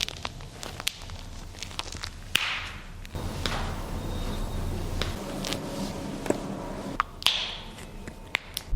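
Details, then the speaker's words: Joint crepitus: sharp clicks, snaps and pops from moving joints, the kind of joint noise older adults over 55 often ask about; typical crepitus, described as common and normal. "now as a physiotherapist I get asked about funny joint noises all the time snapping cracking popping crunching grinding I've heard it all"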